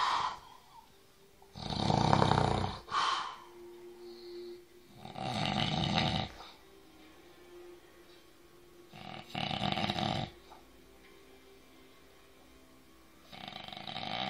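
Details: Adult snoring during sleep: loud, rough snores on each breath in, about every four seconds, with quiet pauses between.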